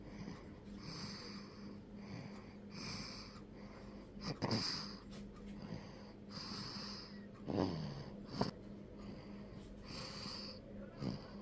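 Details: Sleeping baby making soft, whistling, snuffly noises on each breath with a few small snorts; light snoring.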